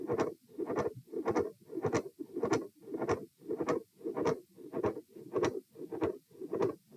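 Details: Repeat auscultation stress test at position E, with lying, sitting and standing phases: fast, regular heart sounds at about 103 bpm, with a midsystolic click, murmur and fixed split S2.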